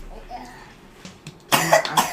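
Quiet room sounds, then two loud, harsh bursts like a cough or forceful belch.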